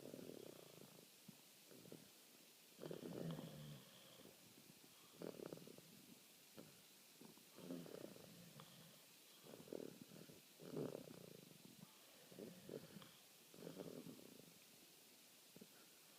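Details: Two sleepers, one of them a father, snoring at night: repeated low rumbling snores roughly every two seconds over a steady background hiss; ordinary snoring.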